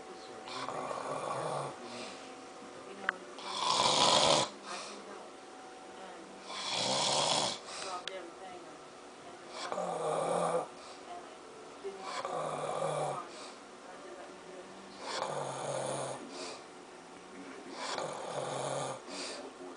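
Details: Father asleep, with a child also asleep: rough, rattling snores roughly every three seconds, about 20 a minute, in a small room. Adult snoring.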